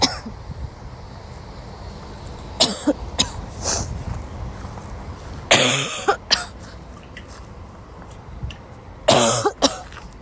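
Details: A woman, sick since waking, has a violent dry coughing fit in class: repeated harsh, dry cough bursts in clusters, about five to six coughs, with breaths between them.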